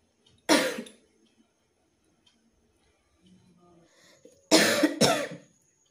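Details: Real irritative cough after days of persistent coughing without a cold, with a tickly throat, hoarse voice, pain when coughing and cough keeping the person awake at night: three loud, harsh cough bursts, one single then a close pair.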